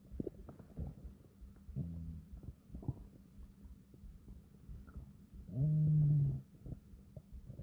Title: Long and deep stomach growls to relax